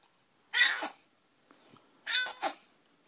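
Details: Pet, possibly a cat, sneezing twice: two sharp, hissing sneezes about a second and a half apart in a quiet room; owner hopes he won't catch a cold.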